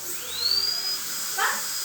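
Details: Dental drill during a 7-year-old girl's dental filling: a brief high-pitched whine rising and holding steady, then fading in a quiet room.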